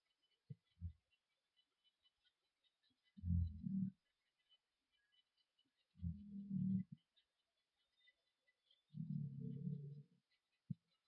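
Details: Sleeping dog snoring: low, rumbling snores, about three over ten seconds with quiet gaps between.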